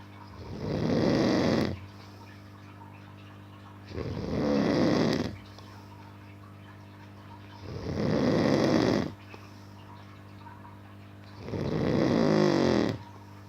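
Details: A man snoring in deep sleep: loud, rhythmic rattling snores on each breath in, about 16 a minute, with a steady hum in the background.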